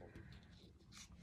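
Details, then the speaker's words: Stomach rumbling (borborygmi) from an adult grandparent, heard while demonstrating a paper craft; the speaker apologizes, unsure why her tummy is rumbling. "sorry if you can hear my tummy rumbling I don't know why it's doing that"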